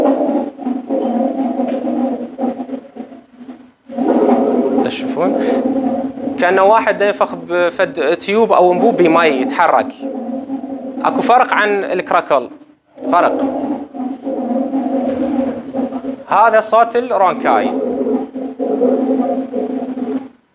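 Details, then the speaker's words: Lung auscultation teaching demo of abnormal breath sounds: continuous musical whistling with several tones at once on breathing, from narrowed airways; wheezing. "الويزنج هذا الوزن صفير هاي الشغله تخوف اطفال التنفس"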